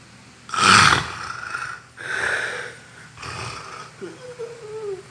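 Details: Loud, rough, rattling snores on each inhalation, about three in five seconds, followed by a quieter breath: heavy snoring during sleep.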